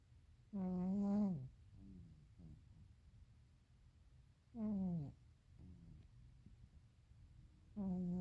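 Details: Sleeping cat in a deep nap snoring: deep, loud droning rumble on each in-breath, quieter out-breaths, about three breaths in eight seconds.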